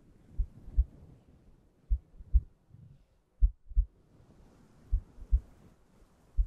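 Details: ASMR relaxation recording of heartbeat sounds: steady paired low lub-dub thumps at about 50 beats per minute, with a soft low hum behind; normal heartbeat.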